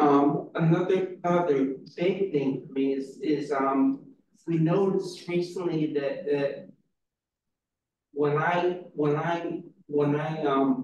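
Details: Real person with a brain injury and aphasia-related issues; repeated words and hesitations; aphasia.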